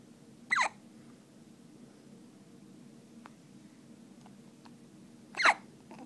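Two sharp, sudden hiccup sounds about five seconds apart in a quiet room; typical hiccups.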